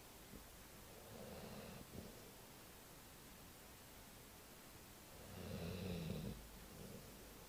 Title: snoring dog